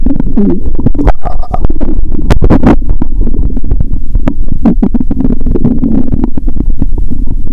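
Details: Hunger stomach sounds heard by stethoscope on the upper abdomen near the heart, stethoscope pressed firmly, before lunch: continuous loud watery gurgling and rumbling with bubbling pops; active bowel sounds (borborygmi).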